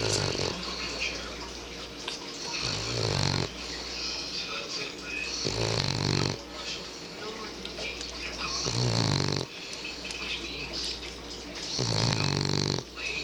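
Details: French bulldog snoring loudly while asleep in the dark: loud, rough, rattling snores, about one breath every three seconds, with noisy in-between breathing.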